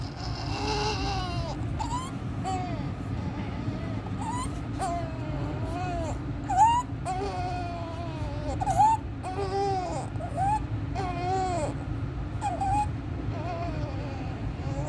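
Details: Inspiratory stridor in a 14-day-old full-term baby admitted with meconium aspiration, since resolved: crying with high, strained noisy inspirations, with suprasternal and intercostal retractions and severe chest indrawing, worse with crying and feeding.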